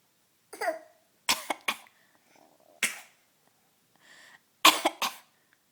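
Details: Child imitating coughing, a fake cough.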